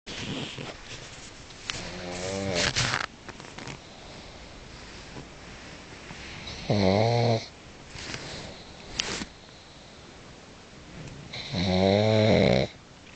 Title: Hugo (Boss) The Pug - Snoring